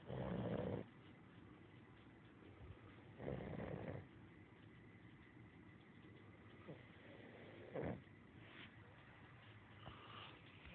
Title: Snoring puppy